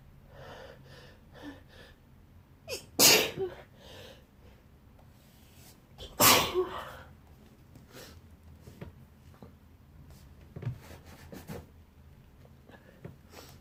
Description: Woke up with a tickle in my nose and here we are Again with this wet sneezing fit in bed...( with noseblow in the middle of the vid )